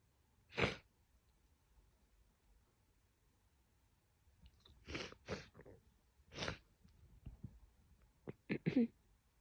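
A series of sneezes, several stifled and muffled, the last ones let out more fully, in a quiet room.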